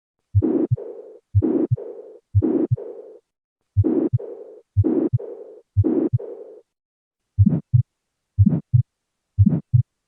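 Slow regular heartbeat, about 60 a minute, with a blowing murmur trailing the heart sounds: mixed mitral valve disease.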